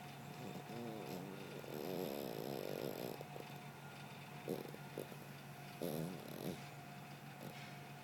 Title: เฟรมมี่นอนกรน !! My Little Puddle Be Snore